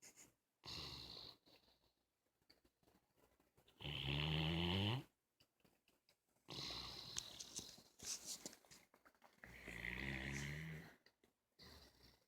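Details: Bloodhound sleeping on a couch, snoring: loud rattling inspiratory snores, about ten per minute, with quiet breathing between.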